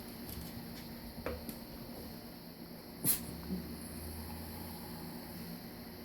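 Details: A small dog gives one or two brief nasal sneezes in a quiet indoor room, a learned pretend "cold" sneeze to get people food, not illness.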